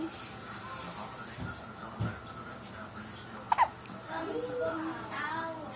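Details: One-month-old baby girl with a sudden short hiccup, soft infant sounds and quiet adult voices nearby; hiccups.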